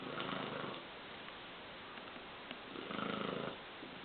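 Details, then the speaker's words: Sleeping female dog: two soft, rattly snoring breaths a few seconds apart over quiet room noise; snoring. "Patience is a snoring girl."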